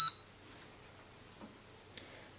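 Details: A single short high beep in a quiet room as a FreeStyle Libre reader, set to start a new sensor, scans and connects to the sensor just inserted on a diabetic man; a normal confirmation sound.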